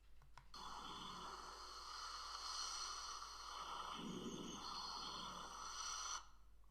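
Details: Lung auscultation with a stethoscope in a teaching recording, done symmetrically over the right and left chest from apices to bases on a patient wearing a finger pulse oximeter: rhonchi.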